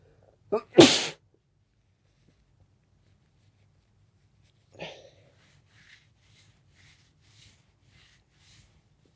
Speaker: I have Halloween sneezes since tomorrow's Halloween.